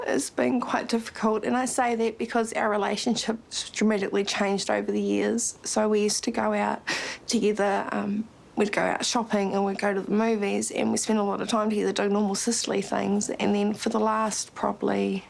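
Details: Adult woman speaking; normal speech.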